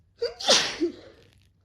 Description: Just felt like sneezing :D